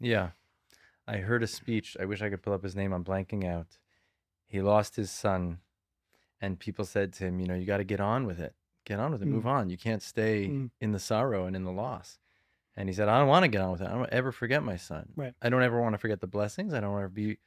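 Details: Adult male speaker; typical speech.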